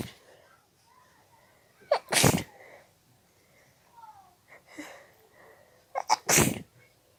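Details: Two forceful, wet uncovered sneezes, each preceded by short catching breaths, in a quiet room, with tissue paper tearing audible. Sneezing.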